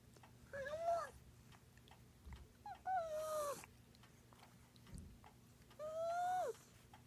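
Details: Three drawn-out, squeaky whining sounds from a cat, each about half a second; noisy abnormal breathing from airway damage caused by the breathing tube during dental surgery.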